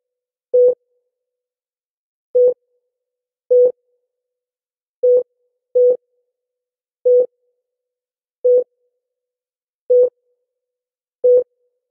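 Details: Heart rate monitor beeping from a sound effect, not a real patient recording: single-tone beeps at uneven spacing, about 43 a minute.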